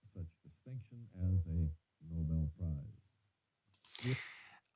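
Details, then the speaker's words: Simulated asymmetrical sudden sensorineural hearing loss with severe mid-to-high-frequency loss, applied to a male voice reading a passage: muffled speech with low tones intact but consonants lost, so words cannot be made out. "so although you can hear the gentleman's voice that's being um simulated you can't really make out what they're saying"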